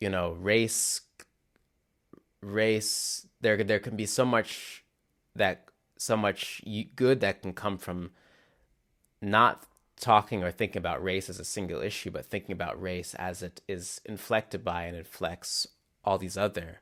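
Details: Real stuttering in a male musician who describes his stutter as glottal blocks that are often silent rather than repeated syllables; finding: stuttering.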